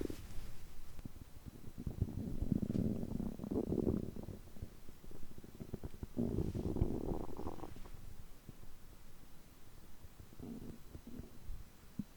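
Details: Person's stomach after eating too much, groaning typically for over three hours: soft, low, rolling gurgles and groans in waves against quiet room noise; ordinary digestive borborygmi.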